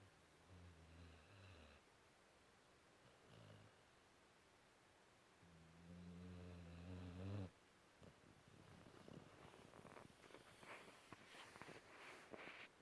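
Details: 5-month-old Cane Corso puppy asleep after a tiring day; low, rough droning sounds on breathing in, separated by quiet pauses, then rustling movement: snoring.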